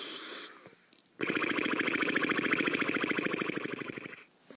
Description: Just me snoring